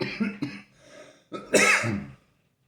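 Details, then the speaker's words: Adult with stage 4 alveolar soft part sarcoma, recently coughing up blood, breathless, losing weight: two short coughs, a pause, then a harsher forceful burst; persistent cough intensifying over recent days, taking cough syrup. "coughing is still there it's been getting a little more intense in the last couple days which is why I went out and got the cough syrup hopefully that works"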